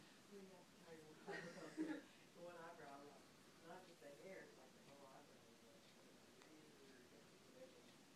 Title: Pa Snoring/Sleep Talking 3